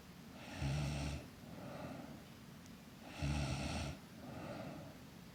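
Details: Girl snoring in her sleep; two rough, rattling inhaled snores, each followed by a softer breathy exhale, at about 23 breaths a minute.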